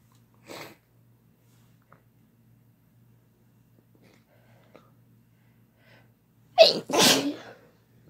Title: Sneezing and Blesses (M+F)